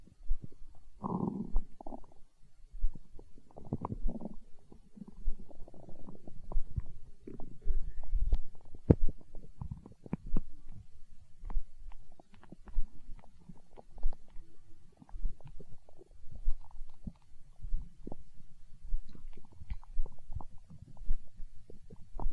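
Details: Hunger stomach growl recorded for ASMR: low gurgling and rumbling coming and going in bursts against a quiet background; ordinary borborygmi.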